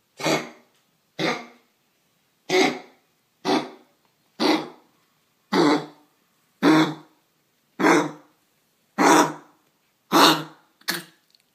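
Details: A sick dog's run of about eleven short, harsh coughs, roughly one a second; the owner is offering tea for its throat.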